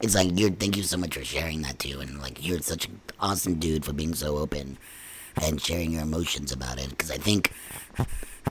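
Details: Adult man after laryngectomy speaking with a neck-placed electrolarynx, needing to search for the sweet spot due to ongoing lymphedema; electrolarynx speech.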